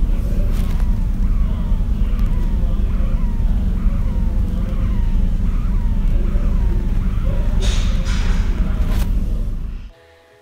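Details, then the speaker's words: Recording of right-sided pulsatile ear noise that began after waking from anaesthesia for palatal suture expansion surgery: loud, steady low rumbling with a faint rhythmic whooshing pulse; pulsatile tinnitus. "als ich nach der narkose aufgewacht bin hatte ich nämlich auf der rechten seite auch ein populist ohrgeräusch das heißt du hast immer folgenden tun dem gelände ich euch jetzt ein ich hab es nämlich aufgenommen wie laut ist direkt vor der op war"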